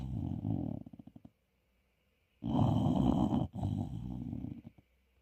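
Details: Sleeping English bulldog puppy giving loud, rough, rattling snores on each breath, each trailing off into a fluttering tail before a quiet pause: snoring.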